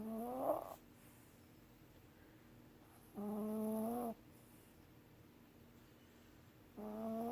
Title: Molly Snoring